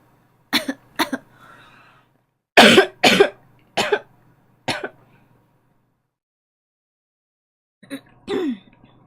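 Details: Several short, dry cough bursts in small clusters with quiet pauses, from a girl who says she is coughing while playing an online game; a plain cough.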